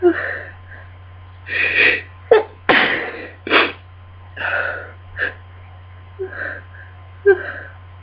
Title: Miserable Cold Sneezing Fit